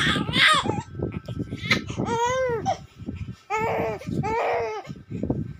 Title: crying